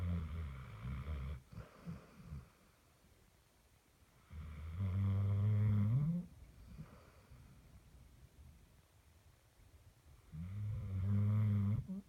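Low, rumbling snores from a sleeping dog, about 11 a minute, with quiet pauses between breaths.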